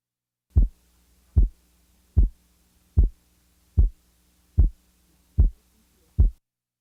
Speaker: The physiologic split second is heard best at base left with the diaphragm chest piece. The following example represents a second sound splitting interval of 25 milliseconds.